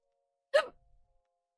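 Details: A single abrupt, brief voiced 'hic' in a quiet room during a live stream; hiccups.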